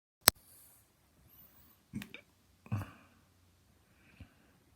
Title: Hiccups again (audio only)